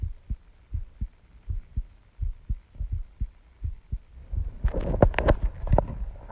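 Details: Own heartbeat recording, person feels heart pounding: steady paired thumps about 80 a minute, then rustling handling noise near the end; heartbeat.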